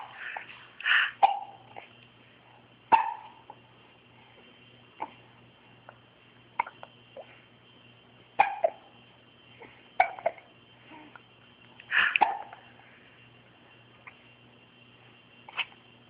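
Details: Dog named Jumper with hiccups: short, abrupt hiccup sounds recurring every second or two in a quiet room.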